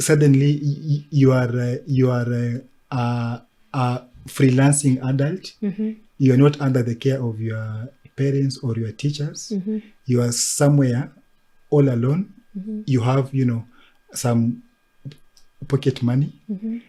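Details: Adult man who stammers; stuttering.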